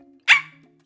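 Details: 27-year-old woman with Tourette syndrome diagnosed at age 12, apparent barking vocal tic mid-sentence, which she says occurs when she talks about it; vocal tic (barking tic), Tourette syndrome.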